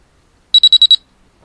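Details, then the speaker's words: Noumic EDA/GSR biofeedback monitor in sound mode, measuring hand skin electrical properties: five rapid high beeps at one constant pitch, the no-change tone meaning average relaxation level was unchanged over the previous three seconds. "pneumic has a special sound to indicate these periods of no change the constant pitch sound means that in the previous three seconds there has been no change in the average level of your relaxation"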